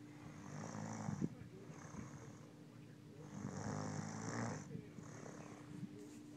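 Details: A woman snoring, though she said her snoring wasn't loud: rough, rattling sounds in slow waves with breaths over a steady low room hum; snoring.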